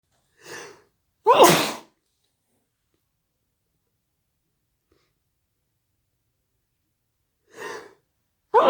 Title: sneezes